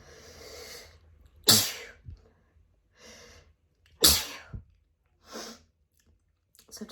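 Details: Two loud explosive sneezes, each preceded by a sharp inhalation, quieter breaths between; sneezing fit right after an outdoor walk, attributed to grass/flower pollen, uncovered; leaves the person feeling lightheaded.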